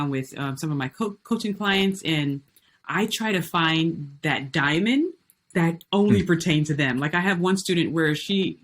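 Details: Adult woman with stuttering since childhood, still present today; had speech therapy for years in elementary school.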